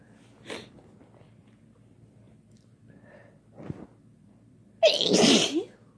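A few small sneezes and in-breaths, then one loud, full sneeze at the end. Ordinary sneezing.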